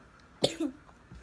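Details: Person eating chicken with hot sauce: a single short, sharp cough followed by a brief voiced catch, a reflex cough from throat irritation.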